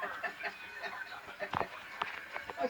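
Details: Repeated hiccups that the person says they cannot stop; holding the breath later made them stop.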